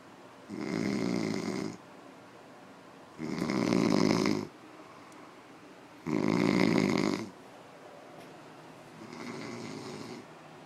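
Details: Loud, rough, buzzing snores on each in-breath, about every 2.8 seconds (roughly 21 breaths a minute), with quiet pauses between, from a drunk person asleep; snoring.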